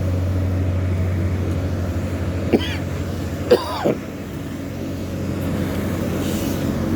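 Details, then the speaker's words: Three brief, dry adult coughs outdoors over a steady low engine and traffic rumble, blamed by the speaker on airborne dust at a building demolition site. Finding: cough. "There's still a lot of dust as you can hear by my by my coughing. There's dust in the air."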